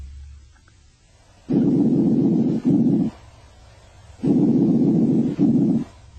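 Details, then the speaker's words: Bronchial breath sounds over the main stem bronchi: loud, harsh, hollow breaths in two cycles, expiration longer than inspiration, phases separated by a brief silent gap. "main stem bronchi the expiratory sound lasts longer than the inspiratory sound at a solid gap may separate these two sounds"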